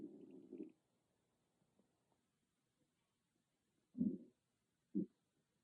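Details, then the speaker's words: Loud stomach growling (borborygmi) recorded on an iPhone without an ASMR microphone: three low, short rumbling growls with quiet gaps between them in a still room. "Hey growlers, I just want you to see how loud my stomach could get with no ASMR microphone, just an iPhone um, audio."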